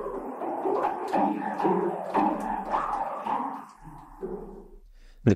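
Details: Simulation of how one user hears a sound through a cochlear implant two years after processor activation, created using the user's one functional ear; far from the original, recognizable from context.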